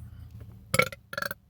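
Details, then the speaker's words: A man belching after drinking soda: two short, rough, voiced bursts of air from the throat; burping. "oh that was kind of long see the long burps that there's something to be said about those type of burps man"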